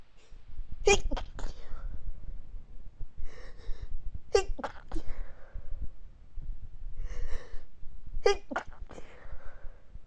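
Three quick bursts of stifled, held-back sneezes, each a short cluster of sharp puffs with muffled breathing between; a sneezing fit.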